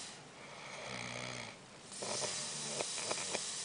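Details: A low, rattling snore on breathing in, then a hissing breath out with small clicks, during sleep: ordinary snoring.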